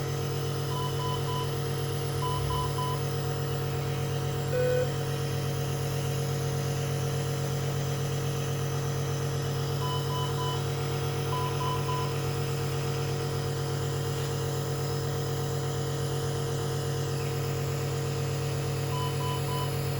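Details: NICU baby with Down syndrome admitted for wheezing, chest congestion and respiratory distress, on oxygen and receiving nebulizer therapy: steady low compressor hum with short groups of monitor beeps.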